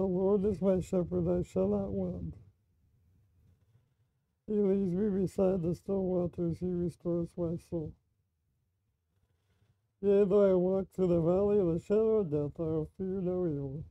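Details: Speech of a man with ALS reading aloud while wearing a daytime non-invasive ventilator full-face mask that sits below the nose, which he says inhibits his speech; a microphone is used; dysarthria (ALS) with ventilator mask.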